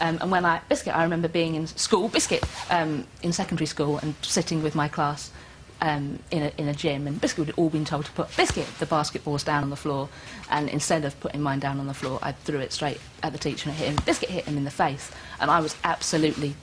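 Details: Adult woman with Tourette syndrome, tics beginning around age six, diagnosed in adulthood, with involuntary vocal tics, mainly the word 'biscuit', plus motor tics; vocal tics (Tourette syndrome).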